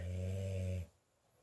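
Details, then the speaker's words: Loud snoring from a sleeping dog, a pit bull and bulldog mix. "do you hear that snoring that's my dog big snore"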